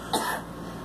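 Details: Girl coughing: a single short, soft cough from a child.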